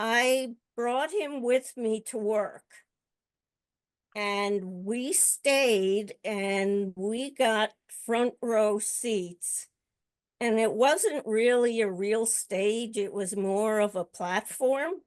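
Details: Stuttering in a woman hosting a support discussion for older adults who stutter, who also reports a paralyzed vocal cord; stuttering.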